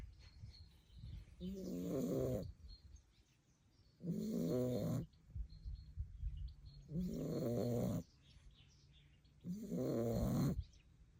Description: Staffy puppy Zeus played so hard today when he finally fell asleep he threw out the most amazing snoring 😴 🐾🐾🐾